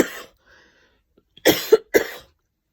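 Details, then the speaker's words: Adult coughing in a quiet walk-in wardrobe during Covid-testing times, who suspects dust as the cause: a brief cough, then a quick run of three harsh coughs. "it's never good to start coughing not in this environment people start thinking all sorts of things i think it could be a bit dusty in this this bloody walk-in wardrobe"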